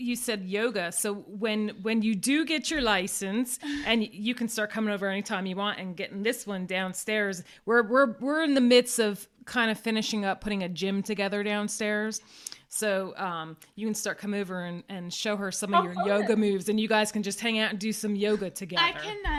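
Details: Adult woman speaking; typical speech.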